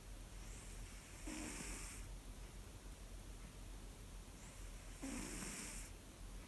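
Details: Pet cat sleeping: two soft, rough breath noises several seconds apart over steady room hiss; the owner notes the snoring can be surprisingly loud. Cat snoring.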